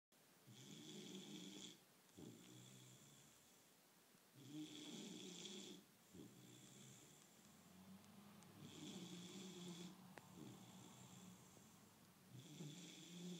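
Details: Bullmastiff puppy snoring in sleep: repeated rattling snores with a whistling hiss, regular, about 16 breaths a minute.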